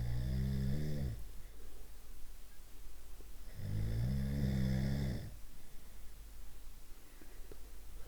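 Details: Two long, deep, buzzing snores on the in-breath with quieter exhalations between; loud vibrating snoring, one of different snoring types.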